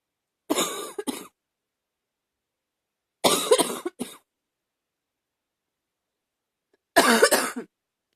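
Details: Slightly barky cough: three separate short bursts, each a harsh double hack with a hoarse, barky edge.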